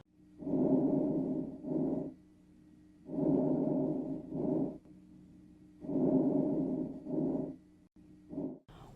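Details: Normal breath sounds.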